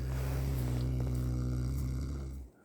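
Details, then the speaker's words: Resting cow kept in cold housing snoring contentedly: a deep, steady rumbling snore ending abruptly. "вот так она храпит от хорошей жизни."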